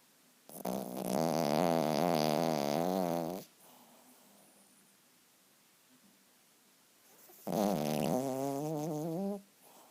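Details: Sleeping poodle: long, wavering nasal snores with a fluttering tone, separated by several seconds of quiet breathing; snoring in a small dog.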